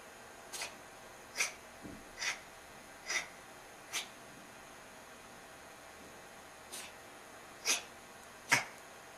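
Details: Cat sneezing and coughing the night before a vet visit: about seven or eight short, sharp, hissy sneezes in quick succession over nine seconds.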